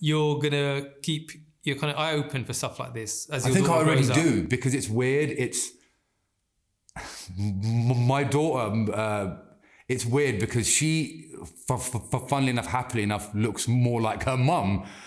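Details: Adult man who has stammered since childhood, persisting into adulthood; anxiety and stress make speaking harder, and slowing down and taking a breath helps him control it; stammering (stuttering).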